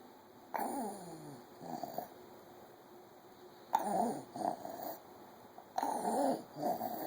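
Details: Child recorded at 1 am with noisy night-time breathing, whistling musical tones on each breath: wheezing.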